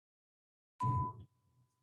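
A steady, high-pitched pure tone sounds briefly beneath a speaking voice, simulating the pure-tone type of tinnitus.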